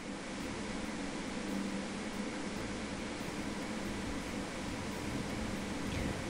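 Steady seashell-like hissing roar from a needle EMG in resting muscle, typical of normal endplate noise.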